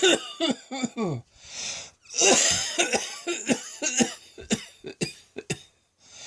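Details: Adult's prolonged midday coughing fit, self-described as nearly coughing up a lung and sounding like a heavy smoker: about a dozen harsh, rattly cough bursts broken by noisy, strained in-breaths.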